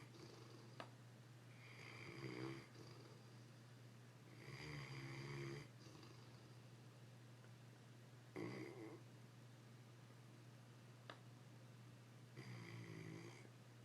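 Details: English Mastiff sleeping: soft rattling snores, about four over fourteen seconds, over a steady low room hum; snores like this most of the day; snoring.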